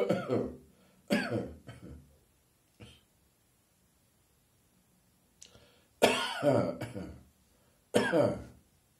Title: Good Morning, Cough!